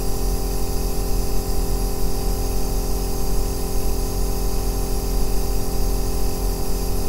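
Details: Aerosol nebulizer running continuously, recorded as ASMR white noise for sleep and relaxation: a steady deep rumbling bass hiss without pauses or changes.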